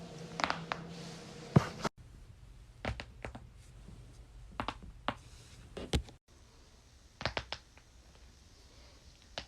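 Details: A compilation of sharp pops and clicks from cracking joints, a usually harmless release of gas within the joint (cavitation).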